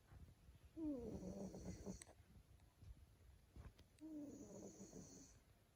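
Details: Male Maine Coon cat snoring: two soft, rattling snores with a faint squeaky whistle, a few seconds apart, in a quiet room.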